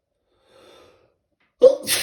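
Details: Stifled sneezing at work during a sneezing fit, in a bathroom: a faint intake of breath, then a sharp, muffled burst through a closed mouth; a stifled sneeze.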